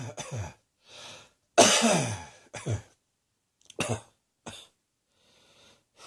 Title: Cross Dressing Coughing 119.